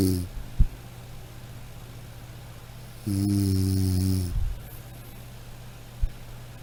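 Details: Snoring: a low buzzing, droning snore lasting over a second, with a steady low hum in the background.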